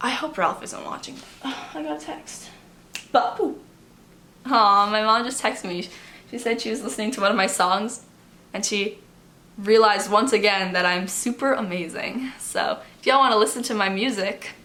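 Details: Young adult woman with Tourette syndrome; her tics fluctuate and have recently worsened, possibly with the transition to college. Vocal tics occur during casual speech. Finding: vocal tic (Tourette syndrome).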